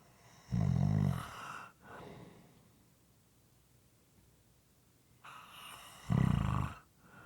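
Two low, wet-sounding snores with uneven breaths and a quiet pause between them: moist, somewhat irregular snoring.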